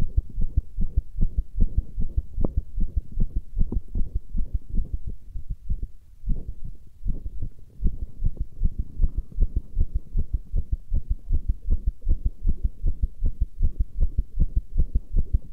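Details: Heartbeat recording: fast, fairly regular, low thumping at about 150 beats a minute over a steady low hum; a rapid heartbeat.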